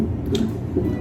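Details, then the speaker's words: Pregnant woman on a 30-minute fetal monitoring session in hospital before likely induction: low, muffled whooshing pulses of the baby's heartbeat picked up by Doppler monitor. "du coup là elle fait 30 minutes de monito en gros ça c'est pour écouter le cœur du bébé"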